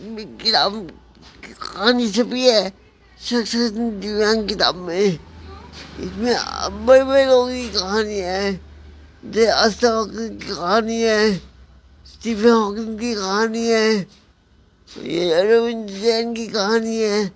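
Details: Adult man with cerebral palsy; dysarthria in cerebral palsy.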